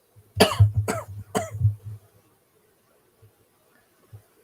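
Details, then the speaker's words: Adult coughing during a livestream: three sharp, short coughs in quick succession with a low rumbling tail, then quiet; someone asks if it was a "go cough". "you need to go? That sounded like a go cough."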